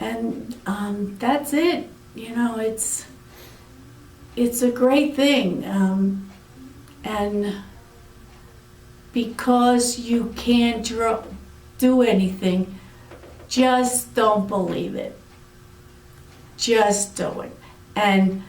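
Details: Aphasia in an adult woman after a severe stroke about eight years earlier.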